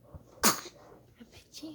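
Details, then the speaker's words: Single sharp, hissing sneeze burst followed by small soft vocal sounds and quiet room noise, from someone chatting and sneezing; sneeze. "Oh, you poor sneezy baby."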